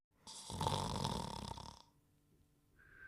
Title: The Dog Crew (TV Series) (1990-1992): Dogtanian Snoring and Whistling in 39 seconds